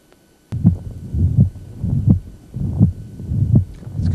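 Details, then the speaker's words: Mitral regurgitation: regular heartbeat about 82/min with a high-frequency holosystolic blowing murmur reaching peak intensity right after the first sound and lasting until the second; heard at the lower left sternal border. "now mitral regurgitation differs as soon as you hear a first heart sound the murmur is going to reach peak intensity and it's going to last until the second heart sound"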